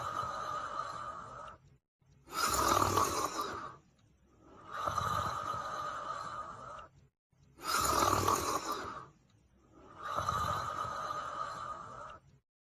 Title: The Female Hamiltonstovare Dog Sleeping & Snoring